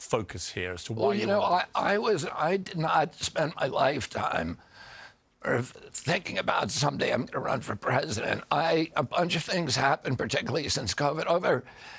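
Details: Spasmodic dystonia in an adult man: neurological, onset at 42 after a 1996 injury, vocal cords tighten constantly; surgery in Kyoto about eight months earlier made it more reliable.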